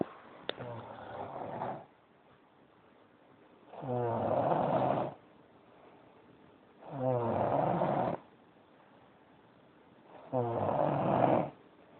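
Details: Snoring: loud rattling snores of about a second each, separated by quiet pauses, around five breaths over twelve seconds.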